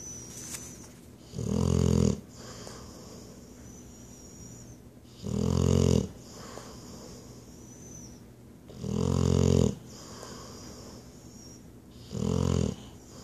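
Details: Sleeping dog snoring: low, rattling snores, about 18 a minute, with quieter breathing between them.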